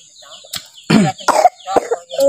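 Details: Cough: several short, harsh cough bursts from a sick young child who is being carried and won't be put down, outdoors in a village with birdsong in the background.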